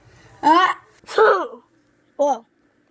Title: When I sneeze part 2